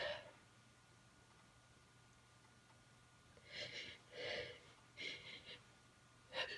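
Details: Repeated short, hissing, partly stifled sneeze-like bursts and catches after a quiet stretch, with a little nose blowing; the person has been unusually sneezy all day for unknown reasons and says the sneezes keep getting stuck: sneezing fit.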